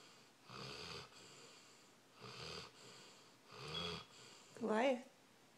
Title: Goliath snoring